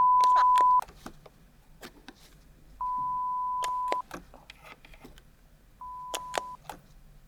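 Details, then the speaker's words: Pure-tone audiometry on an audiometer, starting with the right ear, searching for the faintest audible sound: three steady mid-pitched beeps, each quieter, with soft clicks between, in a simulated binaural ASMR hearing test. "nous voulons tester le son le plus faible que vous puissiez entendre ."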